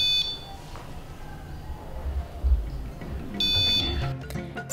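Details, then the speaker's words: Pulse oximeter preventive-maintenance check: unplugging the sensor triggers two high-pitched electronic alarm tones signalling the sensor is disconnected. "l'autre alarme qu'on vérifie c'est lorsqu'on débranche le capteur notre appareil déclenche une alarme pour nous indiquer que le capteur est déconnecté"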